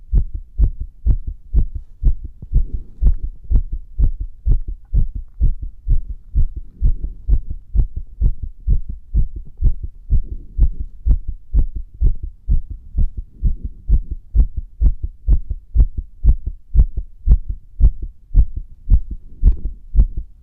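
Strong, steady heartbeat thumps with a soft swishing between beats, recorded with pressure against the chest.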